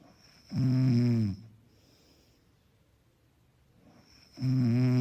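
Two long, deep, rattling snores on inhaling with quiet breathing between, about four seconds apart; ordinary snoring.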